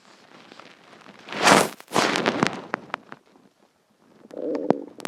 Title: Hungry stomach growls and noises (part 2)